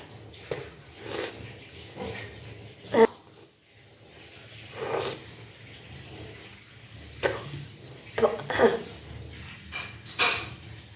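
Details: Kunjal kriya, a yogic cleansing practice of drinking water and then deliberately vomiting it: several forceful retching heaves, with gulping and splashing of water between quieter pauses.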